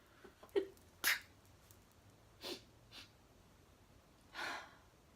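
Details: Acted sneeze, one of several sneeze types being demonstrated: a quick inhaled catch, then a sharp burst, followed by a few softer breathy sounds. Finding: sneeze.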